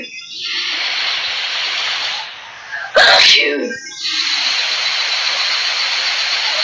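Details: One forceful, strong sneeze over a steady background hiss, ending in a brief voiced tail; a series of repeated sneezes follows.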